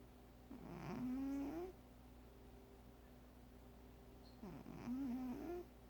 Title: My cat, Data, snoring!